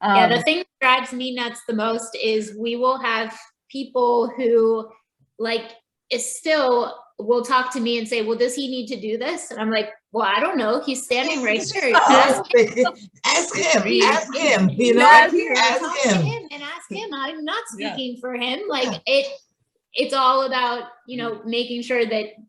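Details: Adult woman speaking; ordinary fluent speech.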